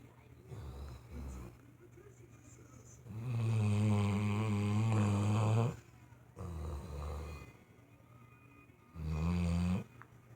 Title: Brutey Boy Snoring